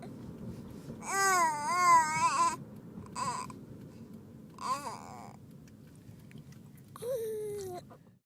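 Short bursts of whimpering, fussy infant crying with pauses between, in a quiet room.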